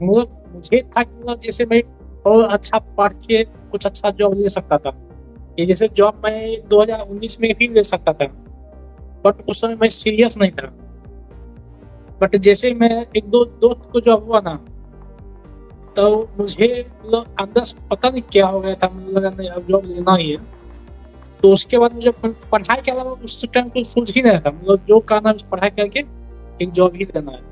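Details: Adult man who stammers, participant in an online stammering-improvement class; stuttering.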